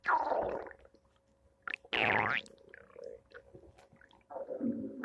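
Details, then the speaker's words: Irregular gurgling and squelching bursts with a long rising rumble between quiet gaps on a Thursday morning: ordinary stomach rumbling, normal bowel sounds (borborygmi). "Thursday morning stomach noises."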